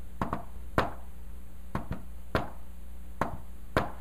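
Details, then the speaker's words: Imitated fourth heart sound (S4 gallop), taught with the "Tennessee" mnemonic: sharp taps with a faint extra beat just before S1, heard as S4-S1-S2. "s4 is so close to s1 that when I do rid of fashion might not even notice look at this cuz it sounds like Tennessee Tennessee Tennessee Tennessee"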